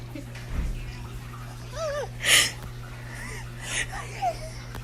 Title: GOT MY GRANDPA SNEEZING AGAIN